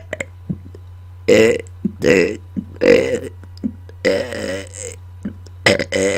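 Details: Five or six loud, drawn-out voiced burps in about six seconds, made on command after dinner into a microphone, over a steady low background hum; burping.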